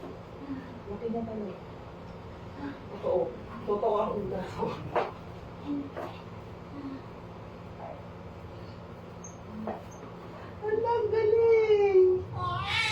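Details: Thin, high wailing first cry of a newborn baby boy just after a natural vaginal delivery at about 6:58, following coached pushing, with staff talk and room noise before it.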